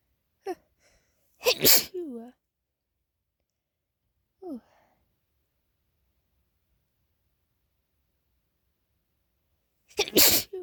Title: late night uncovered and stifled sneezes